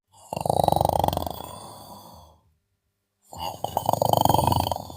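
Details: A person snoring while sleeping: two long, rattling, fluttering snores separated by a quiet pause; loud vibrating snoring.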